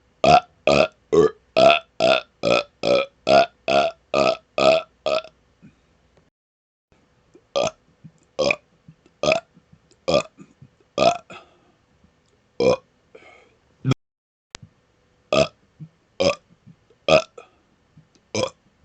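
Quick burst of about a dozen loud burps, a pause, then slower scattered burps; repeated belching.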